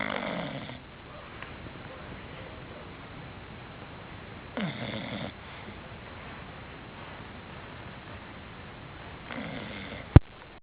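Three rough, vibrating breaths spaced about 4.6 seconds apart, with a sharp click at the end: snoring at about 13 breaths a minute.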